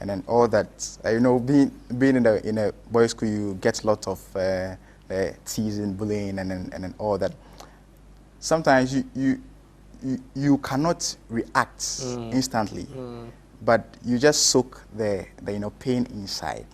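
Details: Stammering in an adult male.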